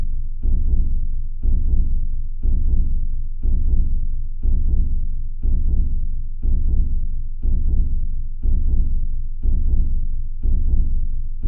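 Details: Steady, deep paired thumps about once a second, roughly 60 beats a minute, over a low hum: slow heartbeat.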